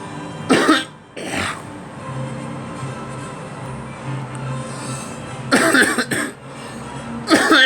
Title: Me coughing